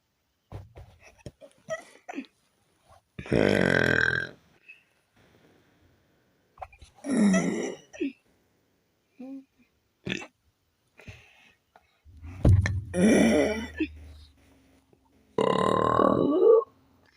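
Four long, loud, deep voluntary belches with quiet gaps between them, made on purpose; ordinary burping.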